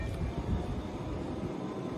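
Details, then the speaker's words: Oxymed Oxy 5 home oxygen concentrator just switched on at 5 litres per minute flow: low, steady rumbling hum of the running machine. "Now display is on. You can see there is a 5 liter flow and the machine gives you 0000 hour."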